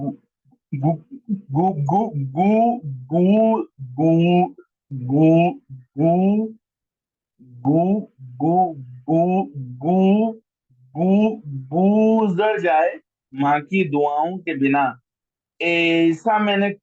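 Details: Adult man who stammers, a member of a stammering association, reciting his own poetry online, with a syllable repeated many times before a word; stuttering (syllable repetitions).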